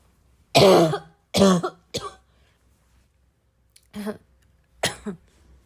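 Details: Coughing fit with throat clearing: five harsh coughs and throat-clearing bursts, irregularly spaced with quiet gaps; the person says their chest really needed a good coughing fit.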